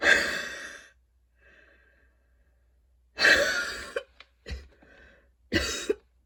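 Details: Wheezy coughing fit after a run, with allergies, freshly cut grass outside and fatigue: a long run of harsh, forceful coughs with whistling, wheezy breaths drawn in between.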